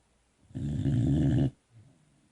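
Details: Sleeping Boxer puppy snoring, one low, rumbling, fluttering breath sound lasting about a second.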